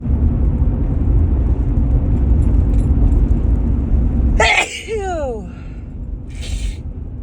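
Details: Woman still recovering from a cold sneezing while driving: loud road rumble, then one sharp, harsh sneeze burst with a voiced trailing cry, followed by a brief faint hiss.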